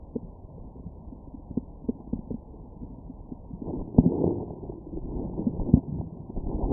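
Muffled low gurgles and rumbling from the abdomen, brief clicks then a longer growl: ordinary stomach growling.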